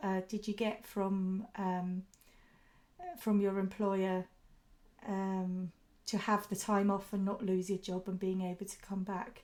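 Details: Adult woman speaking; typical speech.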